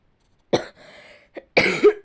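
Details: Two short, harsh coughs with a faint hoarse breath between, from a girl who says she is ill: ordinary cough during illness.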